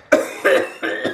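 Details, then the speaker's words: Three short, forceful, harsh coughs from an adult man, deliberately imitated on request; he has been coughing a lot for the past two weeks. "can you pretend to cough I need a picture do do it more aggressively"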